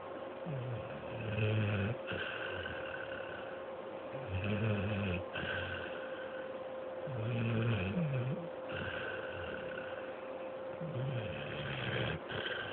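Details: Dog snoring after a day at day care: steady rhythmic snoring, about 20 breaths a minute, with a low rumble on each breath in, softer breath out, and a faint hum beneath.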